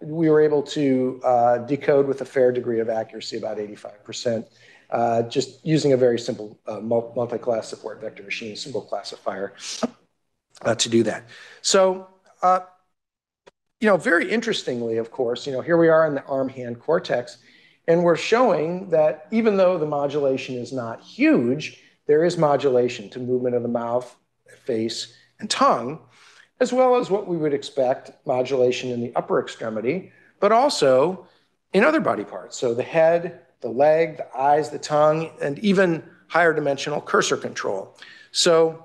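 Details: Adult male lecturer; normal speech.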